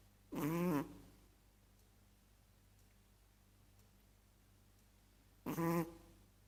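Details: Chihuahua snoring in its sleep: two short, buzzy, pitched snorts about five seconds apart in a quiet room.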